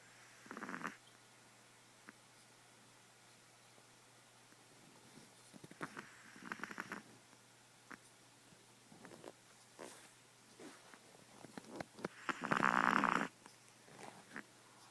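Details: 1½-year-old Chihuahua snoring while sleeping: irregular snuffling, snorting breath noises with one louder rasping snore near the end.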